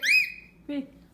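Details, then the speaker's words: Girl diagnosed with autism spectrum disorder level 3 at almost 2 years old, with a happy, not angry or sad, high-pitched scream-type vocal stim that lasted about a year: a brief, piercing squeal, then a short adult voice. "elle avait quelques crier-type stims pendant un moment. (en hurlant) - [Stacey] Crier. - Et crier-type, comme des cris vraiment aigus."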